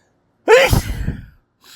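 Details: One very loud, forceful sneeze with a strong voiced onset and a rough, fading release; the sneezer says these sneezes came out much harsher than usual, not from holding them back.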